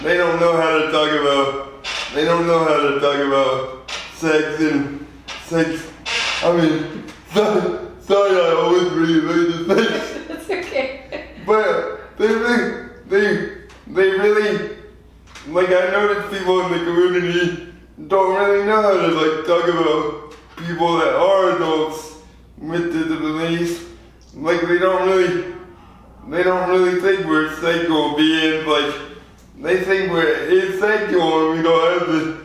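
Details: 24-year-old man with lifelong spastic quadriplegic cerebral palsy after premature birth at 2 lb 4 oz; dysarthria (spastic, cerebral palsy).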